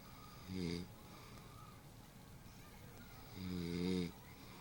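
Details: Woman snoring while asleep: two loud, low, rattling snores on breaths in, with quiet pauses between over room hiss.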